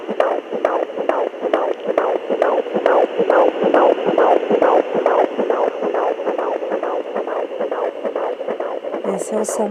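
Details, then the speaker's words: Fetal heartbeat heard at home with a Sonoline pocket fetal Doppler, mother lying down, gel applied, position hard to find: fast regular galloping whoosh, about 135 a minute. "bom gente esse foi o barulho do coração ele demorou um pouco pra pra pegar aí eu não tava achando a posição"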